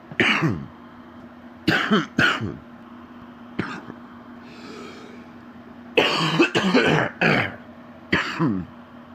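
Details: Adult man, sick with a very stuffy nose, gives about eight deep, harsh cough bursts in clusters, some with a rough voiced tail and a breath between: a horrible wet, productive cough.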